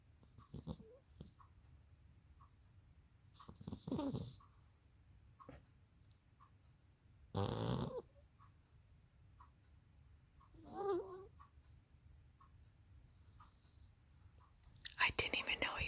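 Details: Persian kitten snoring while napping up behind the owner's head for the first time: soft, irregular snoring snorts against quiet room noise.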